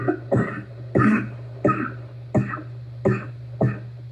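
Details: Asthma and bronchitis: six harsh, deep coughs in a row over a steady low hum; barking cough.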